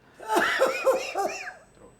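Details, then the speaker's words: Reflex coughing during endoscopic airway examination through the left nasal passage, with snoring, pharyngeal wall collapse and minimal lingual tonsil noted; several quick, harsh, choking coughs in a row, a laryngeal reflex cough. "the throat or over and usually this patient will be having a lot of laring feral reflex and it will be very"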